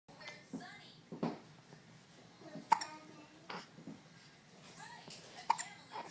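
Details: Hiccups in a 2.5-week-old infant: sharp, abrupt hiccup sounds breaking into nearby speech.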